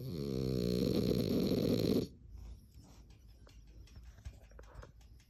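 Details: 4-month-old French Bulldog puppy sleeping: one loud, rattling snore lasting about two seconds, then quiet room noise.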